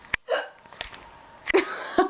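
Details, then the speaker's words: A person with hiccups who is trying to get rid of them: several short, sharp hiccups over about two seconds, with faint voices in the background. "You want to explain what you're doing? I have the hiccups."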